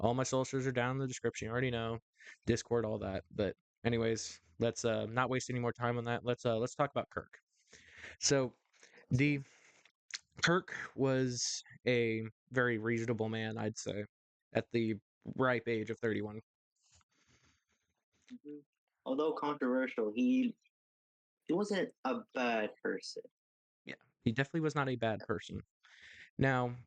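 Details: Adult male host with a stuttering issue he says is worse when talking on camera or to someone important, occurring every so often; repetitions audible; stuttering.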